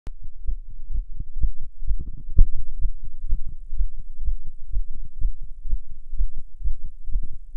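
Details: Fast heartbeat sounds recorded while a non-smoker smokes a cigarette, heart rate rising from nicotine: tachycardia.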